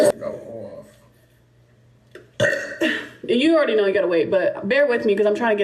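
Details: Girl burping during a live stream: a loud, drawn-out voiced belch rumbles through the throat after a pause, with some vocal sounds around it.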